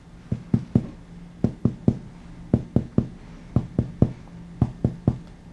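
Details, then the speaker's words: Chest percussion, patient supine, fourth intercostal space from anterior axillary line moving medially to find left heart border: sharp taps, note changing from resonant over lung to dull over heart. "begin percussing from about the anterior axillary line and move medially to be here business of the lung change to dullness"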